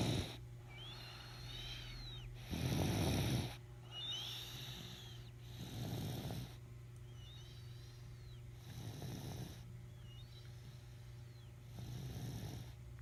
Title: My Baby Snoring